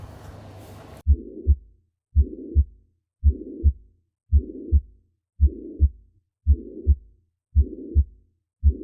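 Regular heartbeat near 56 a minute with a rushing murmur filling the gap between first and second sounds.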